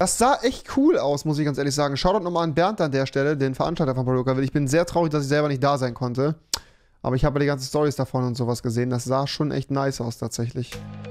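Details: Adult male speaker; Normal fluent speech.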